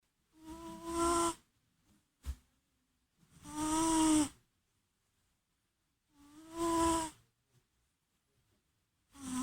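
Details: A pet cat sleeping and snoring: loud, buzzing, whistle-like snores about every three seconds, roughly 21 a minute, with silence between.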